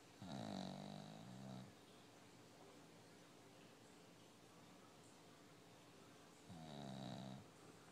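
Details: Bulldog snoring while asleep: two loud, low, rattling snores about six seconds apart with quiet breathing between.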